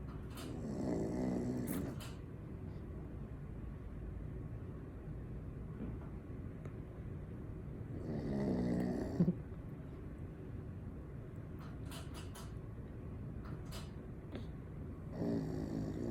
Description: My dog snoring